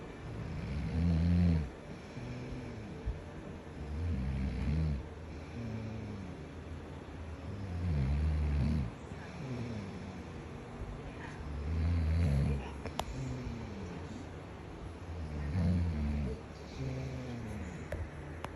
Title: I don’t snore lol